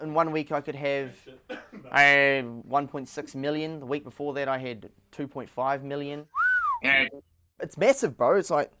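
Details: Tourette syndrome vocal tic in a man diagnosed with Tourette's at age nine, whose vocal tics include swearing and repeated phrases.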